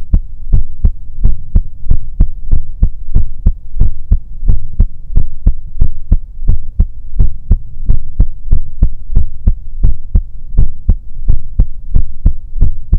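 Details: Simulated ASMR heartbeat recorded with a 3Dio binaural microphone, listener's head on a sleeping character's chest: steady, soft, low thumps at about 88 beats a minute over a constant low hum; heartbeat.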